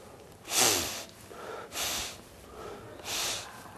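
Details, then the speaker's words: Simulated snoring: a Buteyko breathing practitioner demonstrates with three loud, hissing, forced nasal breaths, imitating the noise that heavy breathing makes in snoring. "snoring is caused by by this the heavy rate of breathing breathing heavily causes the noise of snoring"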